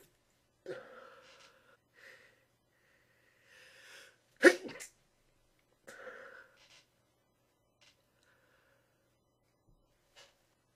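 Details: Person deliberately trying to sneeze quietly: soft breaths leading to one muffled, held-back, snort-like sneeze burst, then quiet breathing; stifled sneeze.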